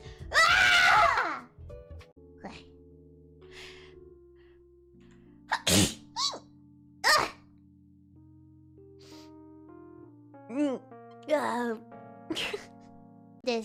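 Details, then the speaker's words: Several loud, sharp sneeze bursts, some with a voiced cry-like tail, over steady background music; sneezes, one attributed to the speaker's mom. "this did you guys hear that that was my mom sneezing did you guys hear that that was my mom"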